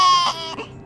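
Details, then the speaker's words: Baby girl during ear piercing, described as a little miserable; brief high-pitched infant wail fading at the end; infant crying. "okay so she's gonna place her ears so guys she's a little miserable"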